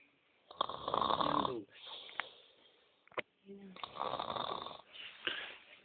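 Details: Sleeping boy snores in rough, rattling, uneven bursts with a brief snort-like sound between them; snoring.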